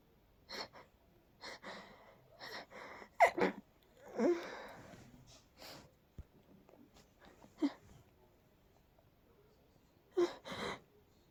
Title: Hold backs to a stifled sneezing fit 🤧